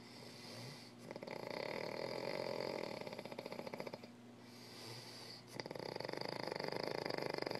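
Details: Big baby snoring: rough, rattling snoring noise during breathing, louder on some breaths, over steady room hum.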